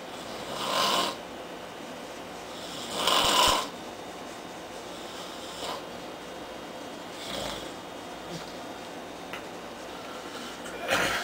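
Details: Loud, harsh rattling snores repeating irregularly every few seconds over a steady background hum; a man asleep on a couch around 4:30 a.m. after a long day of heavy drinking.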